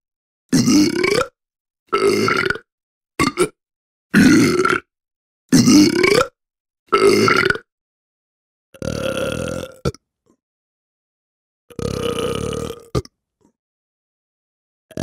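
Eight separate loud, croaking burps of varying length with silence between them, from a sound-effect collection.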